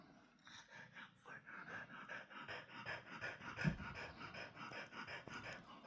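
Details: Sleeping dog with a purring cat nearby; quick, shallow breaths at roughly 160 a minute with a steady in-and-out rhythm, described as dog snoring; panting.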